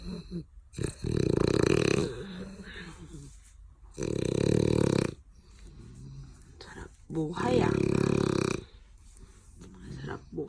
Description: Stitch the frenchie after playtime.. exhausted and filthy straight to bed snoring!!!